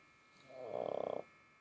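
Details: Dog snoring, recorded with the ear close to the dog: a single rattling, fluttering snore of under a second.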